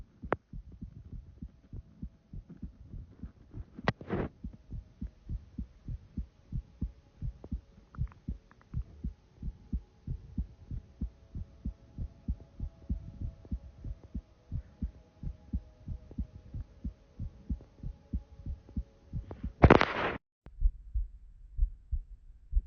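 Steady, regular low thumps of a heartbeat picked up through a phone pressed to the chest.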